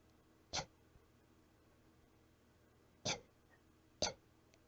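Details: Weak cough, a little out of breath: three short, soft, breathy coughs spaced a few seconds apart in a quiet room.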